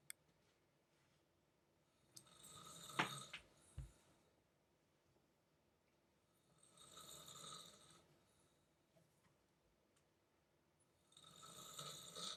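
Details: Snoring from the speaker's parents, very loud: slow, hissing, rattly snores recurring every few seconds in a quiet room.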